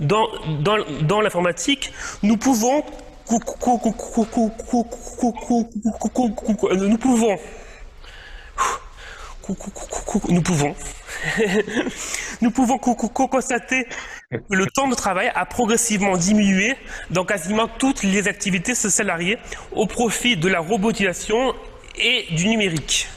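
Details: Male French speaker who stutters, rehearsing a semi-final speech in an eloquence contest; sound and word repetitions occur from time to time; stuttering.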